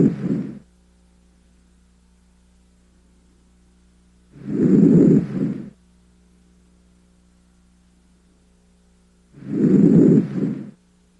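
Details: Normal vesicular breath sounds over the posterior thorax, heard with stethoscope diaphragm while the patient breathes deeply through the mouth: soft, regular breaths about 12 a minute.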